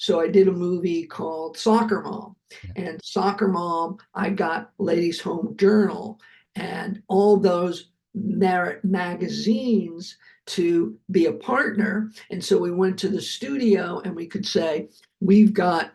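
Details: Adult man who survived a heart attack and has aphasia, speaking right after noting that his aphasia was kicking in; aphasia.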